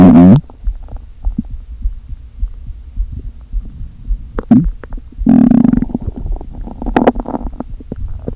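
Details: Stomach noises from a person who had not eaten all day, with air deliberately inflated into the stomach: hollow gurgling and groaning with short bursts of air shifting back and forth; borborygmi.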